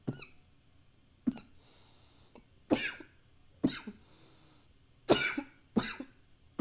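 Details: Coughing recorded with a new high-fidelity microphone: six sharp, harsh coughs at irregular intervals, some followed by brief hissing breaths, in a quiet room.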